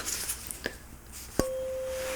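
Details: Simulated ASMR roleplay hearing assessment: after soft handling sounds, a struck tuning fork rings with a steady pure tone, held behind the ear for bone conduction in a Rinne test, in a quiet room.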